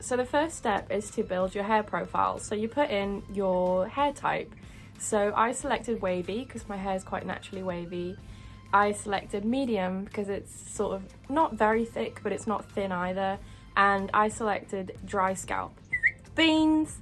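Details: Vocal tic "beans" interjected into speech by a speaker with Tourette syndrome.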